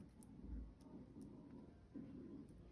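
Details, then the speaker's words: Faint, low gurgling rumbles from an adult's stomach, hungry after doing housework without breakfast near lunchtime: stomach rumbling (borborygmi). "oh i'm sorry girls can you hear my stomach rumbling that's because i got up to do all of my um housework and didn't have breakfast"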